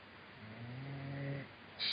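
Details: Adult man asleep during a Skype call: a single heavy, rumbling, fluttering snore on an in-breath, ending in a brief sharp noise; snoring.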